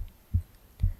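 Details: Adult's own heartbeat recorded from the left side of the chest during an ASMR book reading: two low, soft thumps half a second apart at a regular pace; normal heart sounds.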